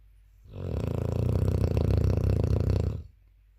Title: 9 months old puppy snoring loudly xx